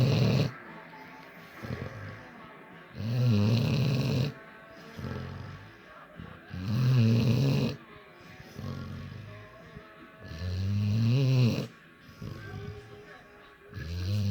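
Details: Dog snoring loudly: rough snores on each in-breath, about 16 a minute, with soft music in the background.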